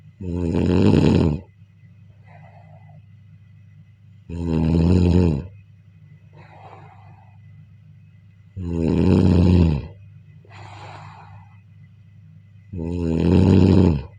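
Deep, rattling snores on each in-breath with soft exhalations between, about 14 breaths a minute, regular rhythm.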